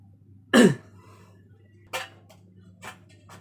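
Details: One strong cough then two weaker ones in a nursing training role-play of effective coughing. The patient is short of breath with difficulty clearing phlegm and coughs after three deep held breaths; afterward secretion sounds are no longer heard.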